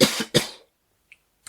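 Two quick, loose coughs from an adult man with a cold, followed by near silence.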